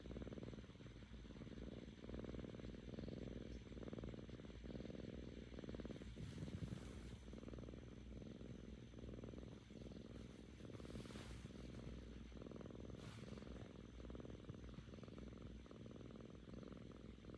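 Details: Seven-month-old female cat, Korean shorthair, recovering from ear mites, purring contentedly after vomiting that morning: a steady, low, rumbling purr rising and falling with each breath, not snoring.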